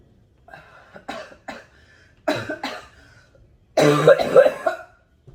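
A few short coughs and throat clears, building to a harsher, louder run of coughing at the end; an adult smoker's cough.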